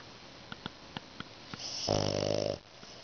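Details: French Bulldog snoring while lying between its owner's legs with eyes open: soft snuffling clicks, then a loud buzzing, vibrating snore on one breath; snoring.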